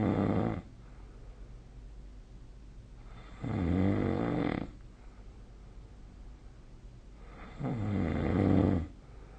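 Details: Sleep snoring recorded with a snore-tracking phone app (SnoreLab): slow, loud rattling snores about every four seconds with quiet pauses between; heavy snoring.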